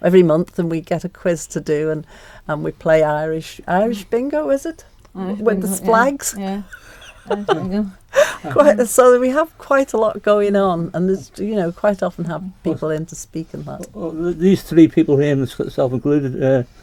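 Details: Adult woman speaking; ordinary speech.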